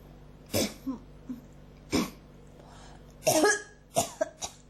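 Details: Persistent dry cough, about five short coughs with throat-clearing in quick succession; tickly, unproductive, felt in the throat and not bringing anything up.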